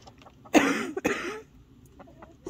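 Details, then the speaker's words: Adult outdoors at night with ongoing cough and wheezing issues: two harsh, wet cough bursts, with chickens clucking faintly in the background. "for sorry for the coughing and the wheezing I have some ongoing whatever issues"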